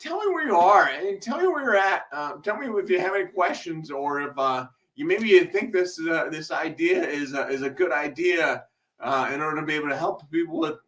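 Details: Male speaker with a self-described speech impediment causing delayed speech, having a rough speech day; blind for six months from 2011, partial vision restored after brain surgery and multiple eye surgeries; speech hesitations with filled pauses and word repetitions.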